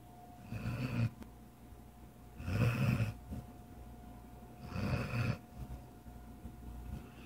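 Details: Sleep snoring, likened to the owner's own: three loud, rattling snores about two seconds apart, with quieter breathing between them over a faint steady room hum.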